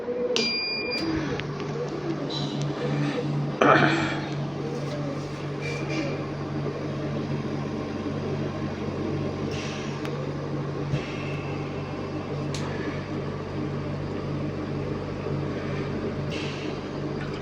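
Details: Home oxygen concentrator running during a filter change, at about 1604 hours of use; filter change advised every 1000 hours: steady low hum and drone with occasional clicks and knocks.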